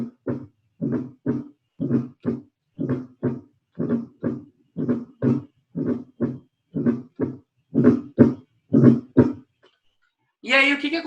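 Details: Fourth heart sound (S4) gallop, played for contrast with a third heart sound: regular heartbeat near 60 a minute with paired thumps.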